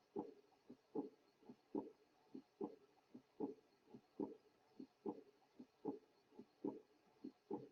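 Regular heart sounds at about 73 beats a minute, each beat followed by a soft, blowing sound early in the resting phase between beats. This early diastolic murmur is typical of mild aortic regurgitation, where blood leaks back through the aortic valve into the heart.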